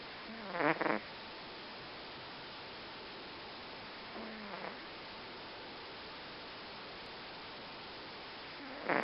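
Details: The cat Fransson snoring; soft, rattling breath sounds recur every few seconds over steady background hiss, snoring during sleep.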